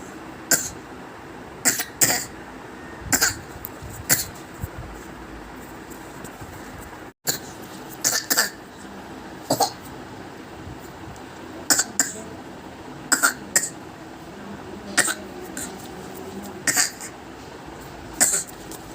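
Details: Child gives repeated short, dry cough bursts done to draw attention, stopping when others talk; behavioral (attention-seeking) cough.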